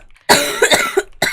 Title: Girl coughing 173